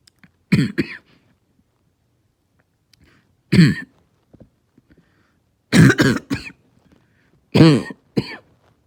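Five harsh, hoarse coughs in short bursts with pauses between, with a barking quality.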